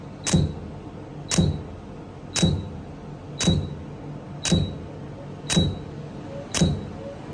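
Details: Regular sharp clicking pulses about once a second, about 57 a minute, each with a brief high tone, from a laser hair removal device firing during a laser hair removal treatment.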